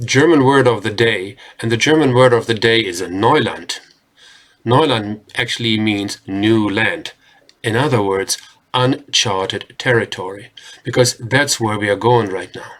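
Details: Adult male speaker; normal speech.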